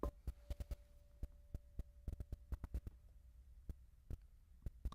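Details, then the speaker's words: Soft steady tuning-fork hum fading over seconds amid handling taps during Weber's test in a hearing-loss workup; patient hears it louder in the right ear, with Rinne negative: Weber test lateralizing right. "So he is telling me that he is hearing this sound louder in his right ear."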